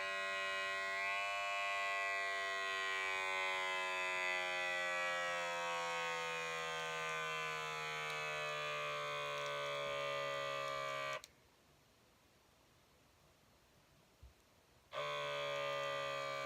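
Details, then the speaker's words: Lifewise talking wrist blood pressure monitor worn on the left wrist, which the user says reads poorly and flags movement: a rising motor whine as the cuff inflates, a pause, then the pump restarts. "it's gonna start the measurement so here we go it's pretty powerful it's pretty tight"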